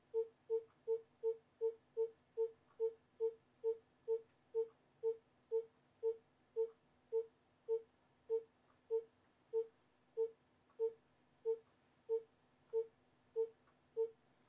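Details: Educational fetal heart rate monitoring rhythm (Rhythm 3): steady electronic monitor beeps tracking a fetal heartbeat, starting near 160 a minute and slowing to about 90.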